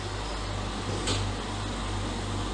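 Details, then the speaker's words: Oxygen concentrator (UL brand Elite model) switched on after plugging in, outlet tubing attached; steady low compressor hum with faint hiss as it starts, flow then set to 5 litres for the patient. "তারপর আপনার সুইচটা দেখুন আমি সুইচটা দিলাম plugin আগেই করছি আমার কনসেন্ট্রেটর মেশিন এখন চালু"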